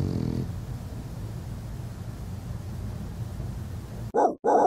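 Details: Snoring in a napping French Bulldog: continuous low rumbling, rattling breathing noise while asleep, with two louder snorts at the end.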